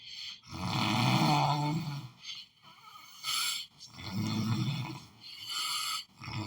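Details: Snoring: loud, rough, low-pitched snores on each inhalation, with quieter exhalations between them.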